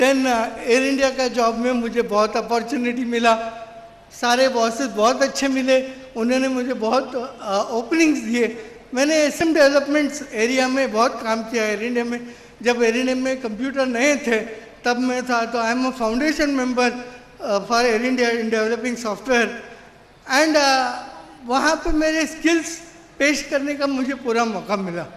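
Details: Adult man with severe cerebral palsy since birth who could not walk or talk as a child; dysarthria from cerebral palsy.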